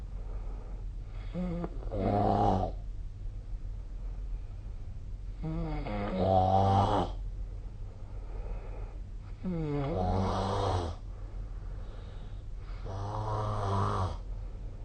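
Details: Snoring during sleep: four rough, buzzing snores about 4 seconds apart, roughly 15 breaths a minute, with a rising moaning tone.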